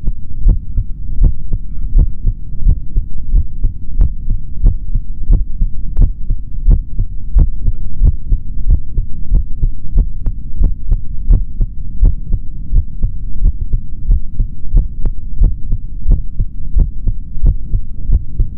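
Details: Male heart heard through a stethoscope: steady low thumping heartbeat around 90 beats a minute with a faint background hum; normal heart sounds.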